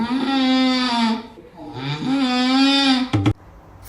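Two drawn-out, high, musical whistling snores, about a second each, then a brief snort; a funny-sounding but harmless snore.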